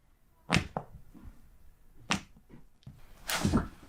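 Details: Chiropractic spinal adjustment: several short sharp cracks and thuds as joints pop during manual manipulation; joint cavitation.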